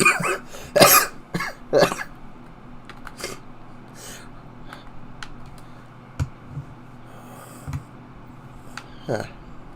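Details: A cluster of harsh coughs and throat clearing, then several softer isolated coughs over quiet room noise; an ongoing cough from an adult who has been sick this week.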